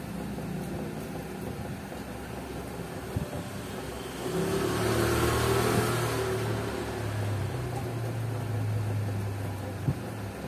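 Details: Pump motor hum of a new digital automatic blood pressure monitor cuff inflating on a 61-year-old's arm, then quieter humming as it measures; reading 113/74, pulse 99; normal operation.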